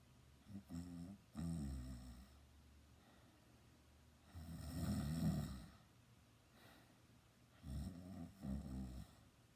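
Loud, low rattling snores on each breath in, about three breaths heard over ten seconds, with quiet pauses between: snoring.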